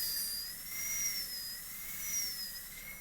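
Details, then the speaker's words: High-speed dental handpiece with a 330 bur cutting a maxillary molar DO Class II preparation on a practice tooth, bur held lingually close to the adjacent tooth; steady high-pitched whine rising and falling slightly as it cuts. "now let's go lingl again with the Burr as close as we can get it to the adjacent tooth a little further and a little further and that's about right"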